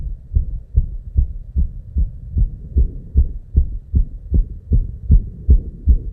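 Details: Very fast, steady low heart thumps, about 150 per minute though labeled 290 BPM, no pause between beats: tachycardia, real heart sound.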